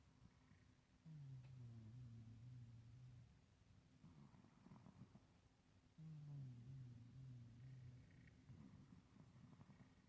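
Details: Old male cat snoring while asleep: low fluttering rumble on each inhale, softer breathy exhale, about 12 breaths per minute.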